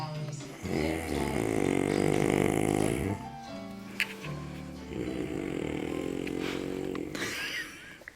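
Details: Adult man (daddy) snoring, two long, loud, rattling snores on the in-breath about four seconds apart, television playing in background: snoring.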